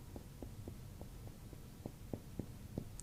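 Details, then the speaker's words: Abdominal exam percussion moving up toward the liver: about eleven quick finger taps, roughly four a second, the note changing from tympanic bowel to dull solid organ at the liver edge. "Now you can definitely hear a change here from here to here. You know, definitely we're over a solid organ in this case."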